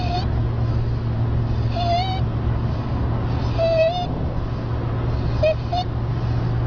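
Brief high-pitched crowing squeaks recur with breaths over a loud low hum, fitting stridor from a narrowed upper airway.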